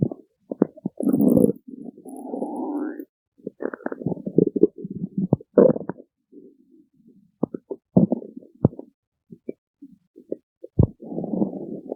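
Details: Low gurgling rumbles and squelches in bursts with short pauses; stomach growling (borborygmi).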